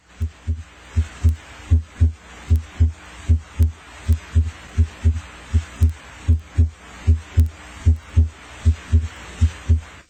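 Regular paired lub-dub heart sounds at about 77 beats a minute, with a longer pause after each pair; normal first and second heart sounds.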